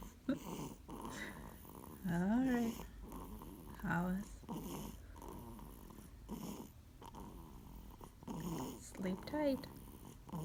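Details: Dog Hollis snoring while sleeping: rhythmic snuffling, rumbling snores with some whiny breath noises.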